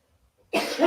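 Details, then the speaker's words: Dry cough from an adult during a live cooking stream, a single abrupt, harsh cough burst after brief silence, without audible rattle; the person hopes the coughing fit won't take hold. "sometimes when that call takes hold it is not funny at all this is this dry cough and it is not pretty and I'm really hoping that it does not take hold because I won't have to leave the room"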